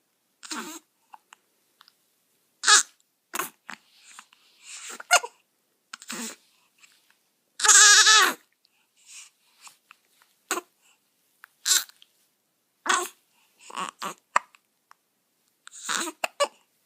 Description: What's more cuter then a new born baby with the hiccups